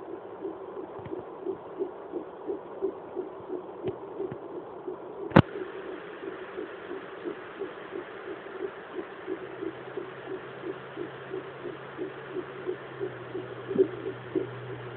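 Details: Fetal heartbeat at 11 weeks on home fetal Doppler: rapid, regular whooshing pulses about 150 beats a minute.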